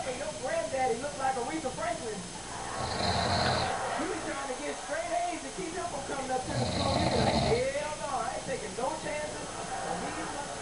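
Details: Two loud, rough snoring breaths about four seconds apart over background chatter, from a sleeping adult man (father); snoring.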